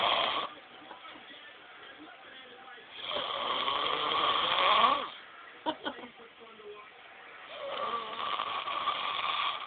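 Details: Snoring: loud, rough snores about every five seconds, each a long rattling inward breath, with quieter breathing between.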